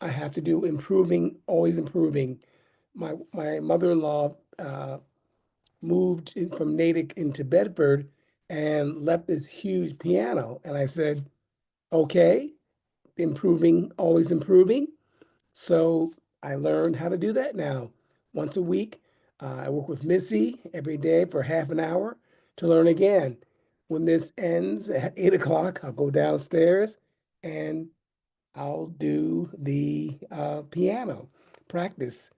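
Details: Retired, disabled adult man with aphasia after two mini strokes in 2016.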